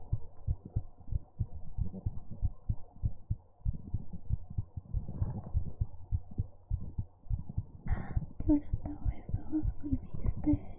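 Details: Regular low thumping heartbeat, about 100 a minute, with faint soft noises later; ASMR heartbeat recording; normal heartbeat.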